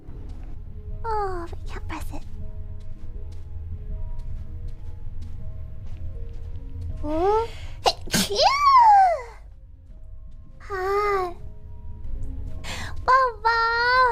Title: Sneezes 69-70